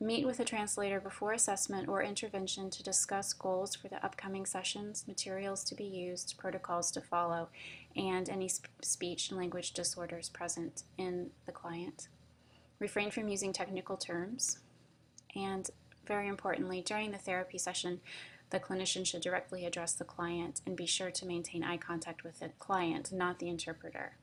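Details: Adult female speaker; normal speech.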